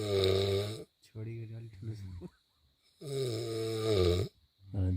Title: Snoring while sleeping🤣🤣 #shortsnepal #funny